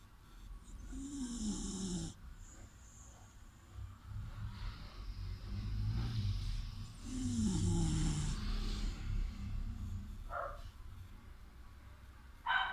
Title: Don't disturb me,,I'm sleeping,snoring dog🙂#dog